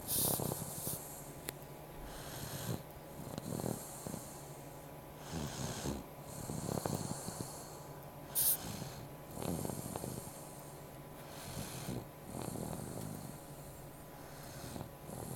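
Soft, low rumbling snores with each breath, about 19 a minute, with occasional snorts over quiet room noise.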